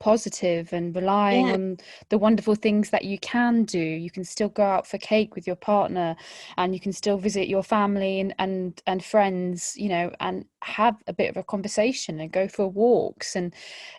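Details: Adult woman speaking; Normal speech.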